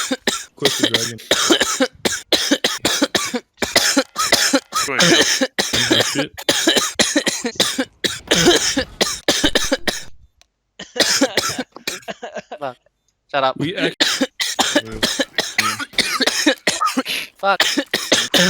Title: Guy coughing non stop in CSGO